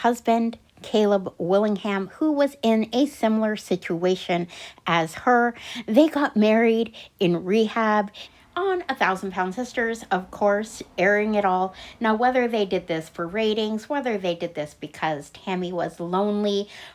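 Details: Adult female narrator; typical voice.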